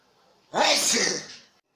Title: People reactions to sneeze in 2018 18 and 20 pls